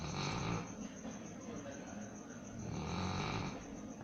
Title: Dog snoring like humans